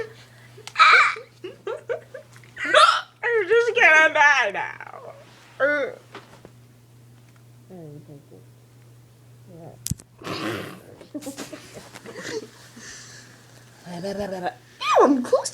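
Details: Hiccups: sharp, abrupt vocal catches break in among laughter and speech while someone tries to get rid of them, over a steady low hum.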